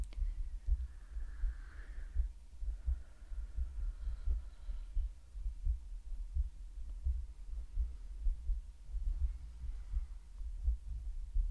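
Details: Simulated (ASMR medical roleplay) steady, soft low thumps of an adult woman's heartbeat at roughly 86 beats a minute, faint background hum early on; normal heartbeat.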